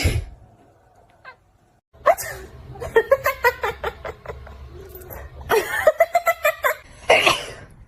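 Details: Two bursts of repeated short coughs, about a dozen in all, with faint room noise between; a pet owner coughing while their cat reacts annoyed.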